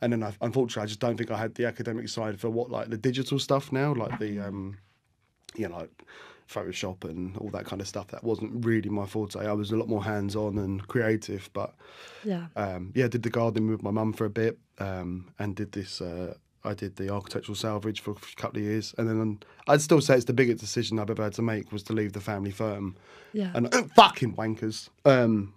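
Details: Adult male with Tourette syndrome, tics first appearing in childhood after a minor ski accident; involuntary sweary vocal tic; Tourette syndrome vocal tic (coprolalia).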